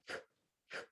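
Two brief, hissing breath sounds through narrowed lips, an imitation of pursed-lip breathing seen in COPD.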